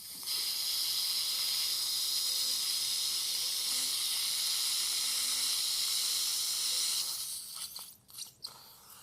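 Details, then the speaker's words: Straight surgical handpiece with 1–1.2 mm drill cutting very cortical bone of the severely resorbed lower right posterior mandible at a failed implant site, before vertical ridge augmentation with TR-PTFE membrane; sustained high-pitched whine about seven seconds, then clicks and rustling. "so here's my straight hand piece about a 1 mm drill 1.2 very cortical surface so careful here again with the m of frayman little bit to the left to the left perfect"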